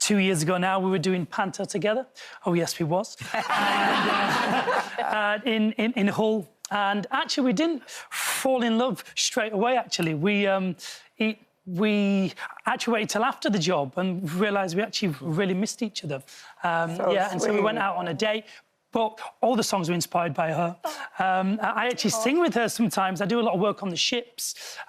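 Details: Adult male singer with a lifelong stammer, bullied for his speech as a child and still mocked as an adult. Finding: stuttering.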